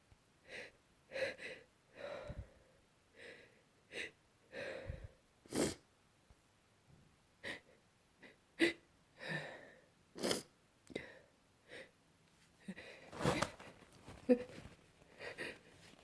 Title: Battling a single stuck sneeze